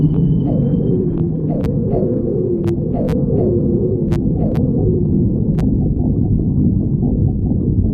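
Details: Stomach growling (borborygmi): continuous low rumbling with rising and falling gurgles, squeaks and occasional sharp clicks.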